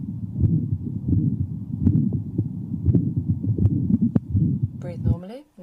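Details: Man with rate-controlled AF, low-volume pulse and aortic stenosis: high-pitched, loud ejection systolic murmur audible throughout the precordium, loudest over the aortic area, radiating to the carotids, with a quiet second heart sound.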